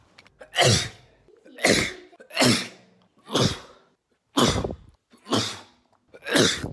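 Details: Adult man's compilation of recorded sneezes: seven sharp, explosive sneezes in quick succession, each a brief forceful burst of air followed by quiet.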